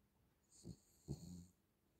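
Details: Cavalier dog Ivett sleeping and snoring: two low, rough breathing sounds, the second longer and rattling, in a quiet room.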